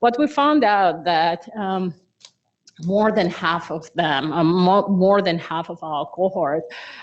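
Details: Adductor spasmodic dysphonia in a patient: involuntary laryngeal muscle spasms as the vocal folds close, with voice breaks on vowels and a harsh, strained voice.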